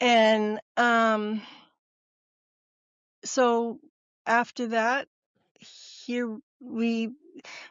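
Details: Adult female former educator of 30 years with expressive (Broca's) aphasia, diagnosed after stroke and transient ischemic attack; real patient in recovery.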